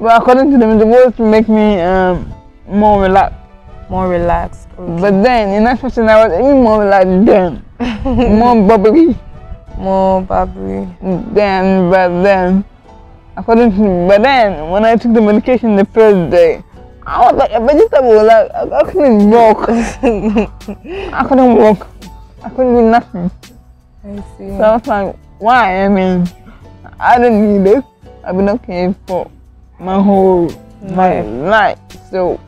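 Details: Adult woman with cerebral palsy from lack of oxygen to part of her brain, impairing coordination; she could not talk at first and says it affects how she moves and talks; dysarthria in cerebral palsy.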